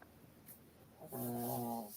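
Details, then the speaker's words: A heavy male dog lying on the couch snores during a sewing livestream, with talk over the snoring. "Peggy don't hear the hard drive but do you hear the dog snoring"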